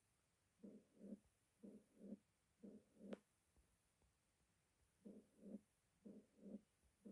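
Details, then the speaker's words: Bell at the mitral area, left lateral decubitus. Low-pitched rumbling crescendo-decrescendo mid-diastolic murmur with presystolic accentuation after an opening snap: severe mitral stenosis. "it is a rumbling type low pitched crescendo decrescendo type with diastolic murmur at mitral area with pre-systolic accentuation after the opening snap"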